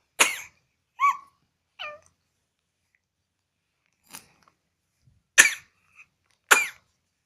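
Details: Infant coughing: five short, sharp coughs with small high-pitched vocal sounds between them.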